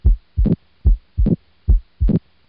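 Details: Mitral valve prolapse audio example: regular heartbeat near 72 a minute with an extra sharp mid-systolic click after the first heart sound.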